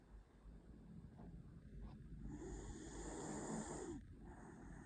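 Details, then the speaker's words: Small pet dog sleeping sweetly and snoring: soft, rough breathing noise with a snoring quality under quiet room noise, with a person's faint voice. "храпит песик. Сладенько спит и храпит. Слышите, как он храпит?"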